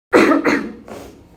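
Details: Cough.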